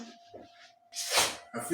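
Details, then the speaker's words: Acted sneeze in a comedy skit: one loud, explosive, hissing sneeze after a brief quiet build-up, with a steady faint hum behind it; partner complains "Why you sneeze in my circle?" "Why you sneeze in my circle? Me? It's just sneeze."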